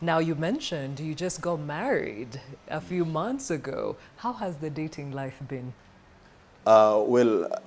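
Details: Adult speakers in interview; ordinary conversational speech.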